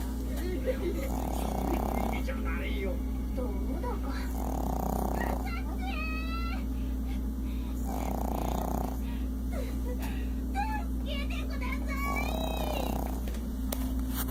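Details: Snoring.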